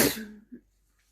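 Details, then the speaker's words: Reader sneezing while reading sneeze fiction aloud; a single sharp, explosive burst of air fading quickly with a small trailing sound; one sneeze. "elizabeth nodded woefully and sneezed into her handkerchief the cold air around her stinging her runny nose and making her shiver"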